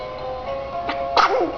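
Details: A 3-month-old baby boy gives two quick, high little sneezes, the second louder, over a music-box tune; infant sneezing.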